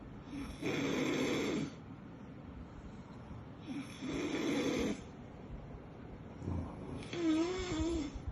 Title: Cute puppy sleeping and snoring 😘😍 #cute #cutedog #cutepuppy #cutepets #cutepuppies #labrador #doggo